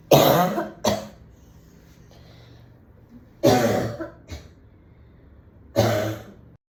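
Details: Three bouts of harsh, dry coughing, each a strong burst with a shorter follow-up cough, in a quiet room, from a woman at home after smoking a cigarette at a party; cough after cigarette smoking.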